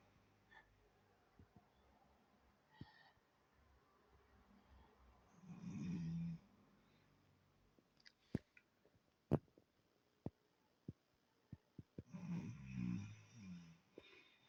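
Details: Adult man snoring loudly in sleep: two low, rumbling snores about six seconds apart in a quiet room, with scattered clicks between.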